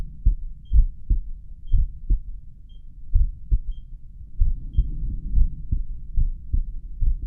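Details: Own heartbeat at rest, stethoscope probably at the mitral area, heart rate counted by pulse oximeter, whose low-heart-rate alarm sounded several times; slow heartbeat, bradycardia.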